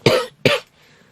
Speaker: Encore une fois, désolée pour la toux intempestive, je ne maîtrise absolument pas. Et plus je parle, en fait, plus je tousse.